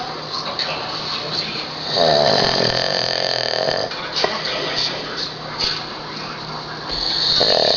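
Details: Snoring from a man asleep after drinking almost a case of beer: loud, rough breathing with two stronger rattling snores over steady room noise.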